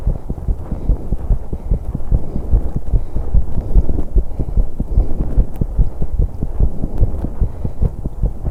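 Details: 21-year-old woman's heartbeat during exercise on an exercise bike: fast, steady low heart thumps under heavy breathing and rumbling noise, a rapid heartbeat from exertion, recorded to capture breathing sounds so noisy.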